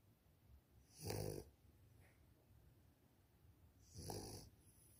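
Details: Victorian Bulldog puppy snoring while asleep: two rough, rattling snores about three seconds apart, typical noisy sleep breathing of a flat-faced dog.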